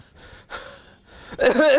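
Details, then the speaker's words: Cough that always precedes the asthma, described in homeopathy as characteristic of Cassia sophera: coughing that comes before an asthmatic wheeze. "c a SS I a is CIA and in CIA one of the very interesting thing is is the cuff always ceeds the asthma"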